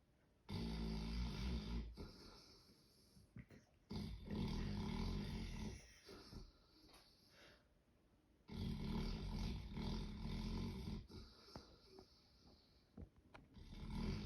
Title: Snoring dog